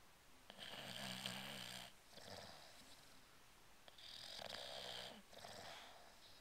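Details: A male English Bulldog in deep sleep snoring, holding his breath, twitching his eyes and blubbering loudly enough to briefly wake himself: snorting, fluttery snores in two bursts with wet blubbering between.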